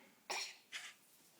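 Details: Seven-month-old infant's voluntary fake cough: two brief, light coughs made on purpose, playful rather than from illness.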